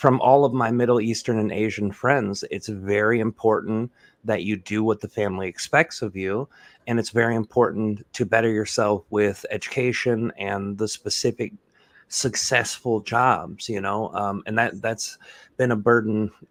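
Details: Adult male speaker; normal speech.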